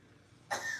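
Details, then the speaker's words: Coughing for 3 weeks, earlier with phlegm, now dry: a single short, harsh dry cough after a quiet half-second, no mucus rattle. "Yeah, you can hear her coughing in the background. Yeah, she's been doing it for 3 weeks."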